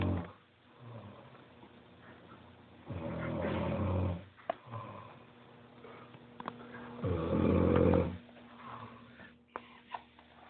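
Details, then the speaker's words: Loud snoring from a sleeping adult man, likened to a hippopotamus, recorded by friends. "Está cabrón, güey. Está cabrón. Está roncando, güey, como el popótamo."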